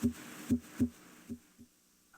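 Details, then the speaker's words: Educational example of normal heart sounds: soft, low S1 (mitral and tricuspid closure) and S2 (aortic and pulmonic closure), the lub and dub of valve closure, with no murmur. "closure of the heart valves creates a pair of audible heart sounds the first sound S1 arises from closure of the mitro valve F kuspit valve closure may also contribute to S1 the second sound S2 arises from closure of the aortic valve pulmonic valve closure may also contribute to S2"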